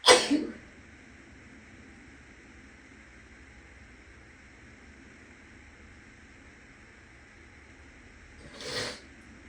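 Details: Person still a little sick, clothing tags stuck beside both nostrils to set off a sneeze, in an echoing bathroom with a fan humming; one loud, sharp sneeze, then a softer sniff or exhale.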